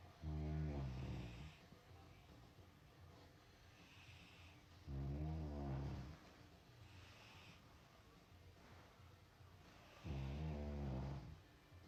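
Loud, low rattling snores about every five seconds, roughly 12 a minute, with quieter breathing between them: ordinary snoring.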